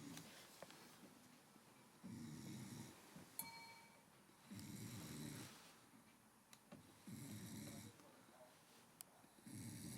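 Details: Person sleeping beside the recorder in England snores so loudly the recorder can't sleep: loud, rough snores about every two and a half seconds, roughly 24 a minute, with faint room noise between.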